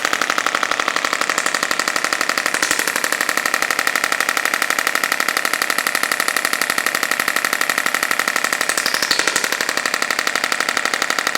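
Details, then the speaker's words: Radial pressure-wave (shockwave) therapy device over the lower back of a woman with 5+ years of chronic low back pain, treating adhesions while she rounds her back: rapid, very regular clicking pulses about four per second. "All this pressure wave does is just melts the adhesion for all you guys have to know at home."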